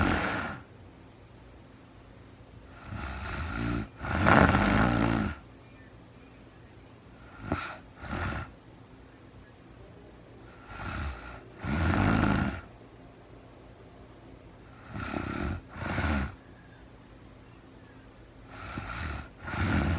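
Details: Adult woman snoring in real-time sleep while very tired: rough, rattling snores on each breath in, about 8 a minute, with quiet pauses between; ordinary sleep snoring.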